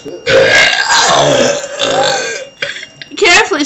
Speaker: Get up to the camera and then get as close as you can to the camera. That's a burp. He burped.